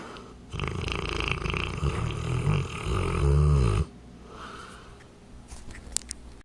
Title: 200lbs. St. Bernard snoring